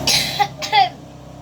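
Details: Cough in a person with a cough and cold and a hoarse voice, reciting Quran: two quick, harsh coughs close together in a quiet room.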